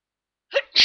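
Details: A person on holiday in the snow trying to make themselves sneeze, with little success: a short voiced intake, then a sharp, hissing sneeze burst.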